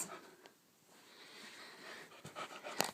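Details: Two-month-old male Saint Bernard puppy on a bed with hiccups: a few brief, abrupt hiccup sounds between soft panting breaths, also barking, in a quiet room.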